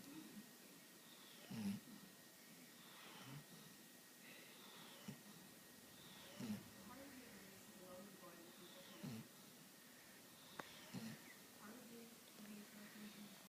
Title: snoring